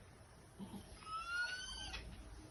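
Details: Inspiratory stridor (laryngeal paralysis).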